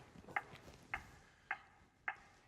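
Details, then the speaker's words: ZOLL AED 3 in a CPR training demonstration, after "no shock advised, start CPR": four sharp, evenly spaced metronome clicks at about 105 a minute set the chest compression rate. AED CPR metronome. "no shock advised start CPR push to match the tone the AED 3 is monitoring and reminding me to start CPR"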